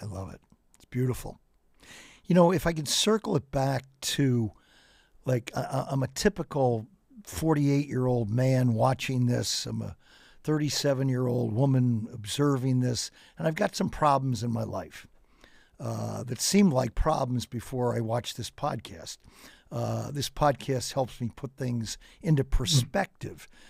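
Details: Adult man; normal speech.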